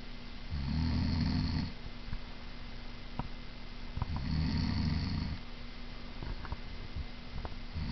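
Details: Two loud, low, rattling snores about three seconds apart, with quiet breathing between, from a sleeping mother; snoring, described as quieter than her usual.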